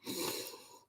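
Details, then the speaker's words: An adult with a bad wheeze, who suspected pneumonia but thinks not, takes one short, noisy breath with a harsh, faintly whistling edge; wheeze. "well I honestly for a while there thought I think I've got pneumonia but I don't think I do it's just a wheeze that's pretty bad"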